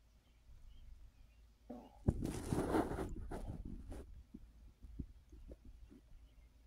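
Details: Adult resting on an overfull stomach after snacking: low gurgling rumble followed by soft irregular bubbling pops that taper off; digestive bowel sounds after a large meal.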